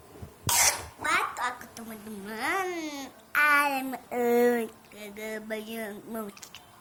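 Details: A sharp cough followed by voiced, drawn-out throat sounds and vocalizing in a small room, while the person is trying to make content.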